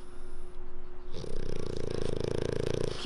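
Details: Loud, continuous rattling snore from a flat-faced, brachycephalic dog that snores moderately when simply asleep but extremely loudly when annoyed or being woken, sometimes with eyes open; brief voices at the start as the owner tries to wake it.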